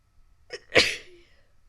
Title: sneezing 1